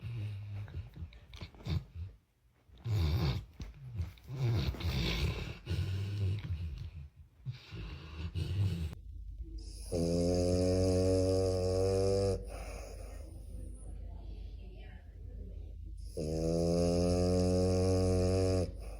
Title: Cute & Silly Dogs pt.4 Snoring Dogs Edition 2